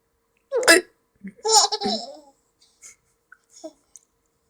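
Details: Sudden sharp catches of breath mixed with giggling, several within a few seconds: hiccups.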